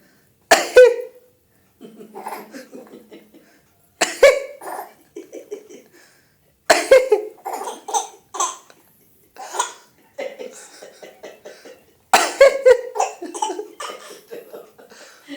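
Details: An adult father gives four deliberate single coughs, each followed by a baby's bubbly, rhythmic laughter.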